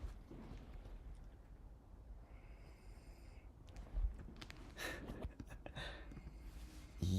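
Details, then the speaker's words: Sleeping adult father snoring: low, rough snorting breaths in a few irregular bursts over a quiet room hum. "I I I think you guys can probably hear the freaky My dad's um snoring. Check this out, guys."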